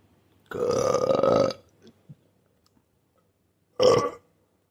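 Two loud belches, one long rumbling and one short, in a quiet room; burping from a sound-effect compilation.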